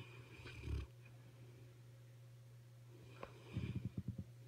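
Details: Dog named Zoe snoring while asleep: quiet low snorts and a fluttering, rattling snore over a steady room hum.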